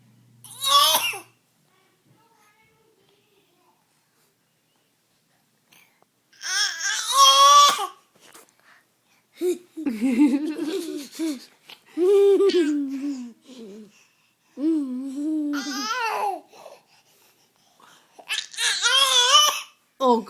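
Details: Infant makes a few playful, voluntary pretend cough bursts between babbling, a habitual imitation cough he does to make family laugh, not illness.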